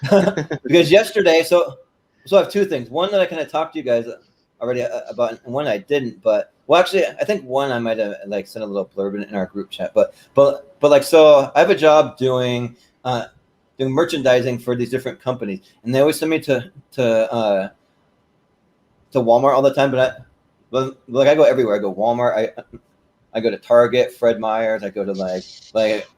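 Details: Stuttering present since birth in an adult male, more noticeable when talking fast.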